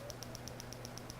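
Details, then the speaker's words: PiezoWave 2T Vet shockwave therapy with a 50 mm probe along the back meridian of a horse with back/SI soreness, at full intensity and well tolerated: rapid regular sharp ticking pulses about eight per second over a low hum. "That's 15 17. So you can see that even at full power, he's tolerating this really well."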